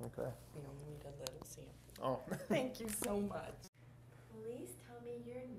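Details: Adult speaker; ordinary speech.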